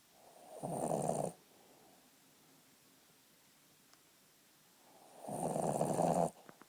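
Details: Two rough, rattling snores about five seconds apart, separated by quiet breathing, from a sleeping Boston terrier after a long day: snoring in a small flat-faced dog.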